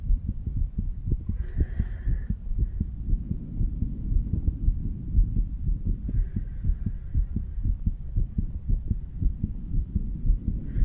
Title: 35 Year Old Male Doing a Chest Auscultation. HeartBeat Recording of All The Heart Valves.